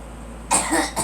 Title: Girl coughing